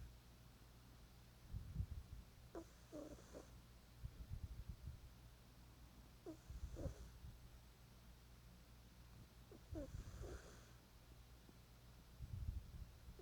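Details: Animal snoring: soft, regular snuffling snores with a nasal snort on each breath, about every 3.5 seconds, over steady low room hum.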